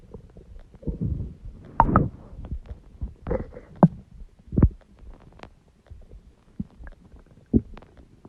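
Loud, irregular low gurgles and rumbles rising and fading: stomach growling from gas and fluid moving through the gut.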